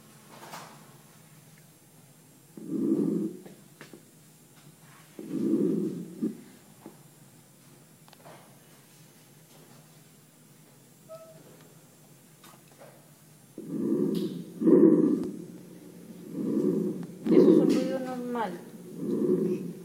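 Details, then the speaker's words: Normal tracheal breath sounds heard over the trachea during a lung auscultation lesson: loud, hollow, harsh breath sounds in paired bursts with brief pauses. "a nivel de tráquea nosotros vamos a encontrar ruidos normales y rubios patológicos vamos a escuchar el ruido normal a nivel traqueal"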